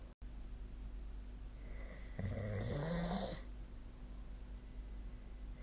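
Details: Snoring during sleep recorded with the SnoreLab app: a single low, fluttering snore on an in-breath, rising in pitch, against steady room hum.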